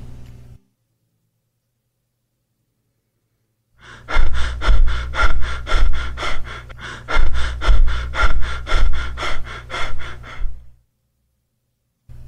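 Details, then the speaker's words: Biot's breathing, attributed to brain injury inhibiting the breathing centre until rising blood carbon dioxide stimulates it: silence (apnea), then a burst of fast, even breaths stopping abruptly into silence again. "in case of brain injury the breathing center will be inhibited and will only start functioning again in case of strong stimulus in this case the strong stimulus is increasing levels of carbon dioxide in the blood and here is how it sounds like"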